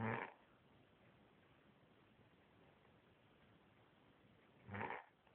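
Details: Two brief rattling snores about five seconds apart in a quiet room; ordinary snoring.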